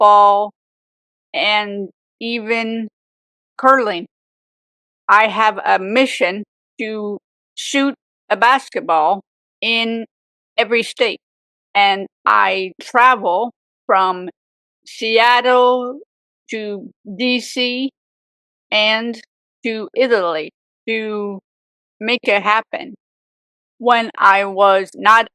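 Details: Adult woman, real stroke survivor, with aphasia for 18 years after a severe stroke at age 44, also reporting apraxia; aphasia.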